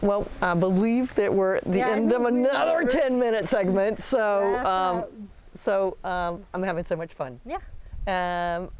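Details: Adult woman; typical speech.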